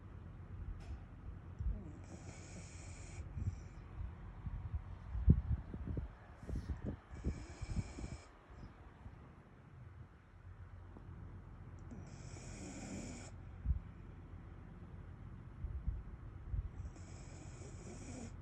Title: SNORING LIKE HE HAS BILLS TO PAY🤣 #shorts #viral